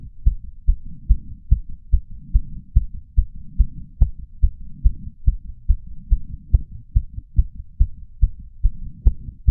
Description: Audio recording of the racing heart of a 31 year old male, pounding away after exercise. Starts around 150 beats per minute, ends up around 130 bpm.